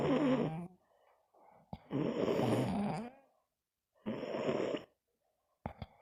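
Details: Teddy and Yo Yo sleeping: loud, rattling snores in repeated bursts, with quieter wheezy breaths out between them; ordinary snoring.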